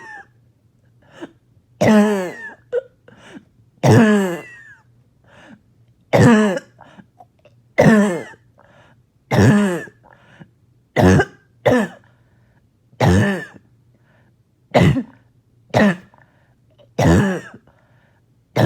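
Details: About eleven loud, harsh, voiced coughs at regular intervals with a barking, honking quality and wet edge; barking cough.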